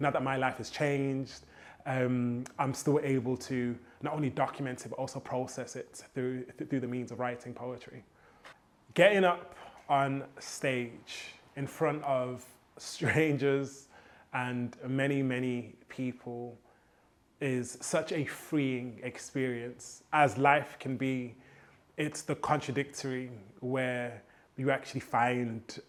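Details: Adult man who has stammered since childhood; copying rhythmic hip hop flows helps his fluency; stuttering.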